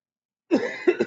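A single brief, dry cough burst from an adult, with a short follow-on clearing sound.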